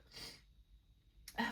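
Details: Woman stifling, then releasing, sneezes during a sneezing fit at work: a breathy, hissing intake and release, then a sharp, loud, voiced explosive sneeze.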